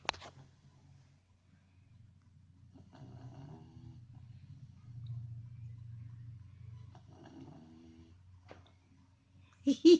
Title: My dog is snoring his butt off sounds like a human....